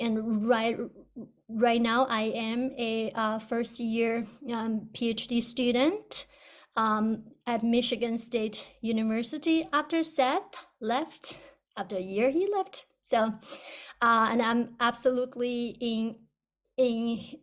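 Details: Adult person who stutters, originally from China, a first-year PhD student with a past of covert stuttering behaviours; repetitions heard; stuttering.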